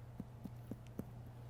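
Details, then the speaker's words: Abdominal percussion demonstrated in a nursing physical exam: tympany, a hollow drum-like note like tapping a puffed-out cheek. "We call it Tony. And so Tony, it sounds like when you puff out your cheek, oh, and tap on it."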